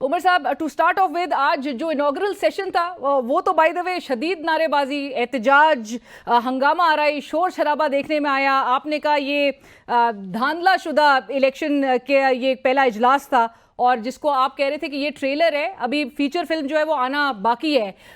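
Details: Adult woman speaking Urdu; normal speech.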